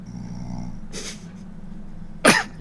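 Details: Man snoring while asleep on a voice-chat microphone: two rough, noisy snore bursts over a low electrical hum, the second a loud snort.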